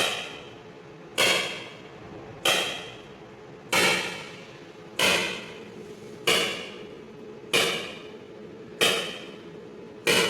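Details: ESWL lithotripsy of a patient's left kidney stone, stone focused with C-arm, fluid-filled membrane transmitting vibration: sharp evenly spaced knocking bursts about 47 a minute, like something breaking; lithotripsy shock wave pulses.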